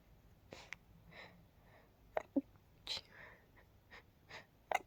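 Several soft, muffled bursts with brief in-breaths between them, fitting stifled sneezes.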